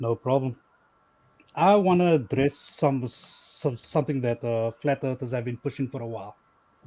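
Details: Stuttering in a male caller who says he stutters a bit.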